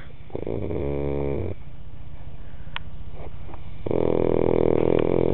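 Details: Deep, rumbling snores from a sleeping person, each lasting about a second, with a quiet pause between them.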